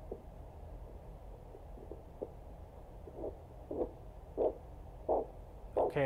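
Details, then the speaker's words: Doppler over the radial artery during blood pressure cuff deflation: faint, then steadily louder whooshing pulse beats return, marking systolic pressure. Heard as elevated. "Okay, that varies my systolic pressure. And I keep letting down."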